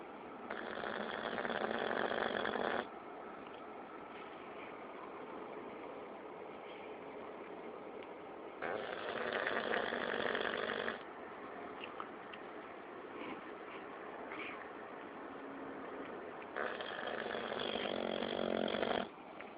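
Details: Roger, a dog, snoring while asleep in a car on a long road trip: loud rasping breaths about every eight seconds over steady engine and road noise.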